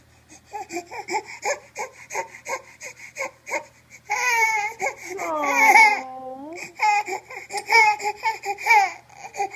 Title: is cute even when he's crying